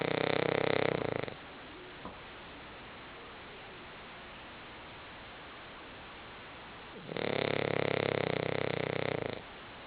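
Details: Pet named Kirby snoring asleep on the couch: two loud, rattling snores separated by about six seconds of quiet.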